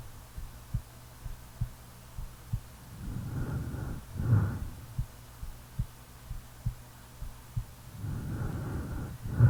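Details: Real self-recording made while sleeping: steady low heart thumps at about 70 beats a minute, with slow breaths or soft snoring swelling in the background; normal heartbeat during sleep.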